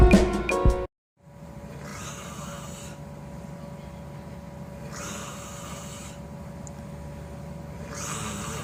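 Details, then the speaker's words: Person snoring asleep in a hotel room during an anime convention: rhythmic rasping snores in a quiet room with a steady hum, after a brief burst of music. "this sound is the infamous donon snore the greatest threat to physical and mental health during any anime convention is the donon s"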